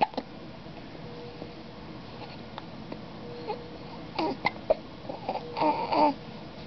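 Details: Infant boy in a NICU crib, hiccuping now that he is feeding, squirming: short, sharp vocal catches at irregular intervals with soft fussing; infant hiccups.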